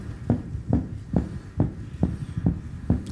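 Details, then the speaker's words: Regular, fast, low thumping heartbeat reaching about 140 beats a minute, rising from 78; a rate normally reached only with very fast running. "You can hear it getting faster at 78, 78, 89, 89, What sort of thing would a person have to be doing to create this sort of speed?"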